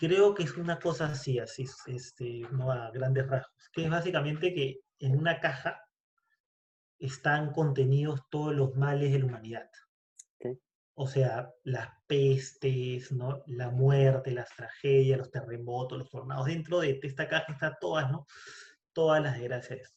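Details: Spanish-speaking person who stutters, in a conversation between two people who stutter. Stuttering.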